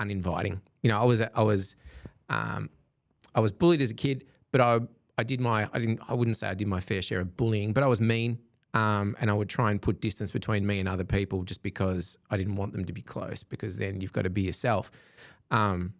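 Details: Adult man speaking; typical speech.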